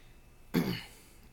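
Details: A single short, deep adult cough burst in a quiet room, from a speaker struggling to hold back coughs while talking: cough.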